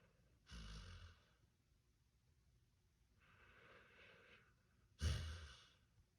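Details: Male and female dogs snoring: slow, noisy breaths with low rattling snores on the inward breath, about three in six seconds, in a quiet room.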